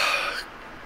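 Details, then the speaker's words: Adult on day three of COVID-19 self-isolation in a hotel, hoarse voice, cough improving and flu-like symptoms lingering: one brief, dry, hissy cough fading into quiet room noise. "serak, tetapi batuk saya sudah jauh lebih baik sekarang."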